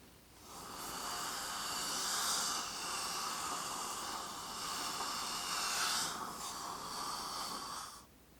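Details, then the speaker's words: Acted dentist roleplay during a dental cleaning, not a real procedure: a steady, airy hiss of saliva-ejector suction lasting several seconds. "Close that mouth, relax that jaw. Let's do a little suction quickly."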